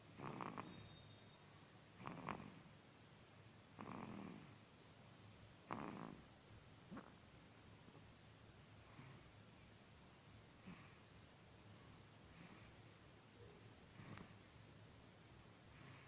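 Soft rough snorting breaths at irregular intervals that fade toward the end; snoring during sleep.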